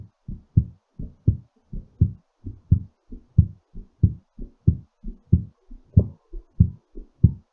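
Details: Normal, slightly fast heartbeat during recovery after exercise: regular low lub-dub thumps at about 90 a minute.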